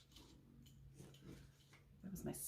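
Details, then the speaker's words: Stomach growling (borborygmi) at lunchtime shortly after a quick cereal lunch: faint, irregular low gurgling rumbles in a quiet indoor room. "stomach if you guys can hear that it's lunchtime so I just had some cereal as a quick lunch so I could do this and uh yeah my stomach's like what what are you doing"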